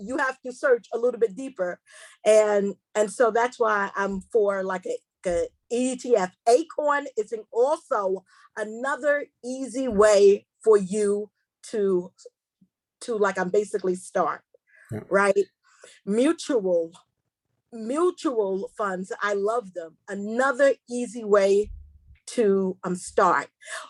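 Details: Stuttering in a female seminar host who describes herself as a stutterer, proud of it, and says she will stumble over words during the seminar.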